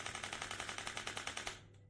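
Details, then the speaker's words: Radial shockwave therapy device in sweep mode, level 3 to 12, speed and intensity gradually increasing, demonstration: rapid sharp clicking pulses about eight to ten per second over a low hum, then stopping. "you'll see that in the first few seconds, it gradually speeds up and the intensity slowly increases."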